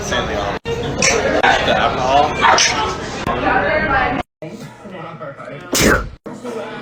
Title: sneezing compilation 3